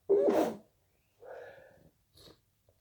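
One forceful sneeze, then a drawn-out breath and a smaller aborted sneeze; induced sneezing with a false start.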